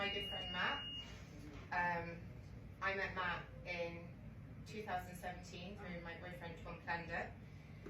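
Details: Adult woman speaking; Normal speech.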